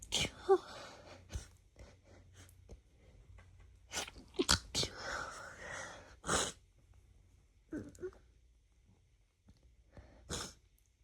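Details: Allergic sneezing from a female sensitive to a roommate's new cat: several sharp sneezes in quick succession with sniffing between.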